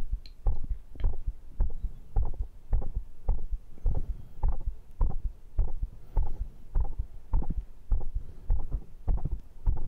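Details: Own heartbeat after a workout round of dips, ab work, diagonal pull-ups and arm curls, measured rate 122: strong, regular, fast low heartbeats; normal heart speeding up after exercise.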